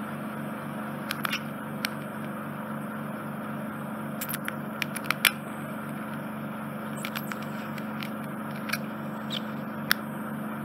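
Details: Endoscopic microsuction in an adult man's narrow, infected, smelly right ear canal near the eardrum: a steady suction hiss and hum with scattered crackles and scrapes as dead skin and debris enter the tip.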